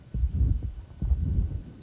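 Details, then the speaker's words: At the base, left upper sternal border: audible first heart sound, soft mid-systolic murmur building to peak intensity, then second heart sound; milder pulmonary valve stenosis murmur. "now we're going to differentiate that from pulmonary valve stenosis which is also in its milder forms mid-systolic and hurt at the base generally left upper sternal border"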